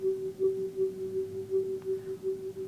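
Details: Normal tuning fork bone conduction through a stethoscope bell placed on the bone at the front of a female patient's hip: a steady, clear, strong humming tone, normal for an intact hip.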